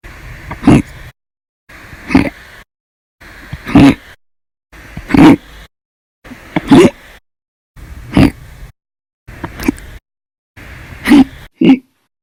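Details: Audio-only recording of repeated hiccups (described as violent, loud, silent, minute), sharp abrupt throat catches about every 1.5 seconds, eight in twelve seconds, with silent gaps between.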